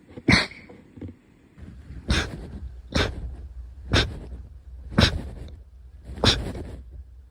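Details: Small animal: about six short, explosive nasal bursts roughly one second apart, a run of sneezes, with low room hum; sneezing.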